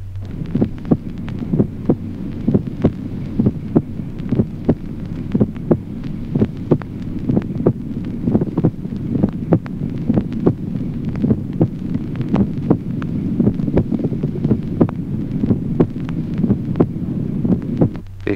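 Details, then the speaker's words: Teaching recording of heart sounds, listed among systolic gallop rhythms: a split first heart sound, barely perceptible division of S1 into two separate components, with a steady rate near 63 per minute. "ejemplo quinto desdoblamiento del primer ruido cardíaco distribución apenas perceptible del primer ruido en dos componentes sonoros separados"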